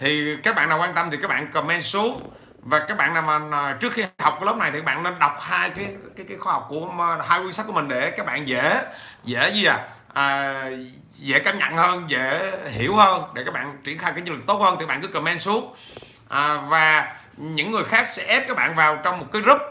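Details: 43-year-old man with stuttering since childhood, improved with much speaking but still persisting; stuttering.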